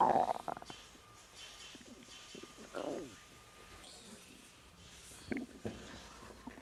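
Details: Woman about 3 months pregnant, relaxing, reports discomfort but no pain; belly ASMR recording of faint gurgling and squeaky rumbles over steady background hiss, natural stomach growling during digestion; bowel sounds (borborygmi).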